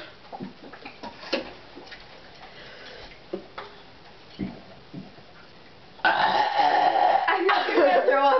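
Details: During a burping contest between two females, a loud, prolonged rumbling belch of about two seconds in a quiet room with faint clicks and shuffling: burping.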